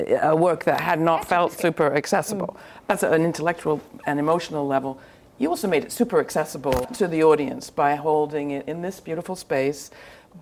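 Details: Adult woman speaking; normal speech.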